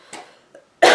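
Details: Woman with a cold coughing while talking: two soft, brief coughs, then a louder burst at the end, in a quiet room.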